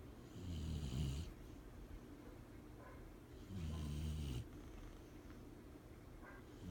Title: My dog snores!!